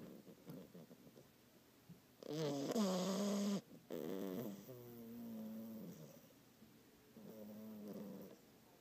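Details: A French bulldog puppy only a couple of months old makes loud, rumbling, tonal snores on repeated breaths while asleep, with quieter snuffly breathing between them: snoring.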